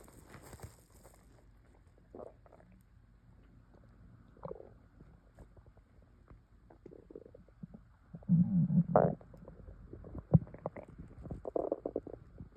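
Repeated low gurgling rumbles with a louder burst of bubbling; stomach noises from swallowed air moving through the gut.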